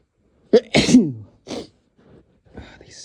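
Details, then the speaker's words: One full voiced sneeze from a man with a sharp intake, a loud burst, then a trailing sound and soft sniffles; he describes the sneezes as very tickly and intense. "sneezes are just so tickly right now."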